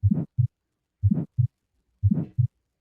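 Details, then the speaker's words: Aortic stenosis murmur (narrowed aortic valve): heartbeat at about 60 per minute with a harsh rising-then-falling whoosh between the first and second heart sounds. "So if you have aortic stenosis or a narrowing of the aortic valve for example that sounds a little bit like this."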